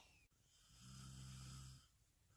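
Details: Snoring.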